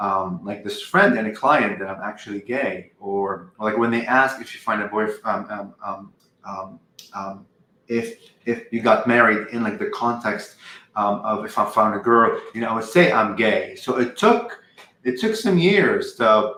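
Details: 44-year-old man who has stuttered all his life, since at least age five, with a family history on his father's side; uses "um" and "like" to transition, and sometimes words don't come out; stuttering.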